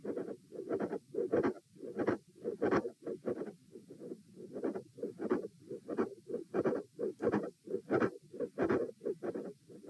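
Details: Heart sounds recorded at position A during a repeated auscultation stress test with posture changes, lying, sitting, standing, then lying again; mid-systolic click with fixed split S2.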